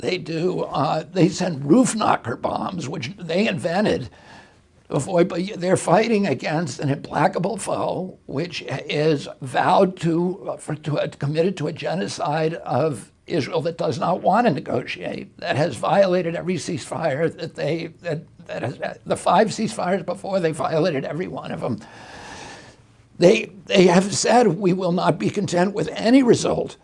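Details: Adult male with spasmodic dysphonia, attributed to a neurological injury in 1996; his voice was very strong until age 42, and he says the problem comes from his brain sending wrong signals to his vocal cords.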